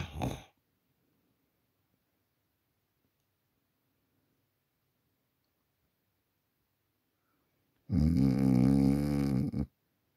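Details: An adult snores in sleep, self-recorded at night on a Samsung Galaxy A40 phone: a long, loud, buzzing snore on an in-breath follows an earlier one, separated by several seconds of quiet; ordinary snoring.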